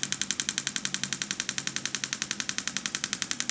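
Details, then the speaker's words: Rapid, steady, sharp clicking at about ten pulses a second from a pulse-wave (shockwave) handpiece moved slowly over a woman's wrist, over the carpal tunnel and flexor retinaculum, to treat carpal tunnel syndrome and wrist pain. "you want to make sure while doing pulse waves that you don't stay in one area for too long as it can start to cause slight damage to the tissue so we move around very slowly to get the entire treatment area"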